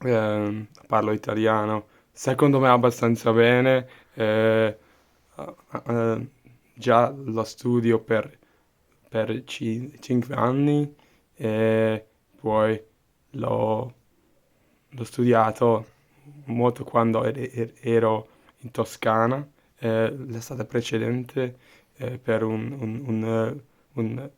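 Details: Adult Hungarian man talking in Italian as a second language, studied for about five years, with audible word repetitions; finding: stuttering.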